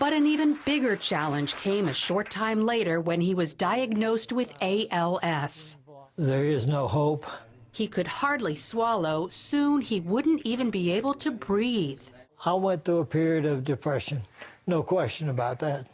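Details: Adult news reporter narrating; Normal speech.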